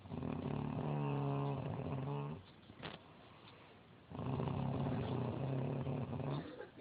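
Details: Adult woman (mother) snoring: two long, loud, rattling snores with a low buzzing tone, separated by a quieter exhale.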